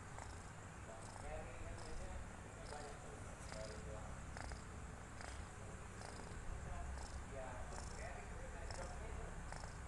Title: kitten snoring